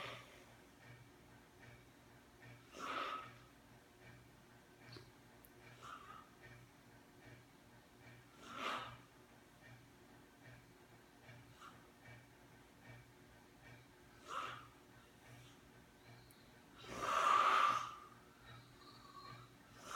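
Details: Soft snorting snore breaths recur about every six seconds, the last one louder, over a quiet room hum; adult snoring during sleep.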